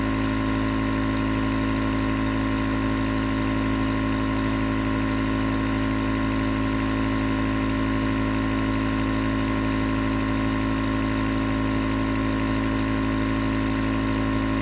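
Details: Continuous nebulizer compressor running, recorded as white noise for sleep: steady, loud mechanical hum and buzz, unchanging throughout.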